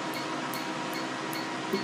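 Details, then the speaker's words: PicoSure picosecond laser tattoo removal on a patient's wrist, boost setting: rapid regular snapping pulses about two or three a second over fan hum, louder over dense ink pigment, softer where ink is sparse. "the laser wavelength is seeking the pigment of the ink so where it's where there's less concentration of the ink it is less loud so it's softer"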